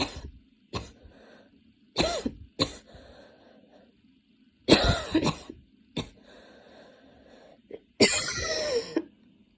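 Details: Student studying for an exam on a Saturday afternoon, standing and changing positions as the cough attack worsened from minor to intense; repeated harsh coughs in clusters with throat clearing and a strained, wheezy catch on one breath; coughing fit.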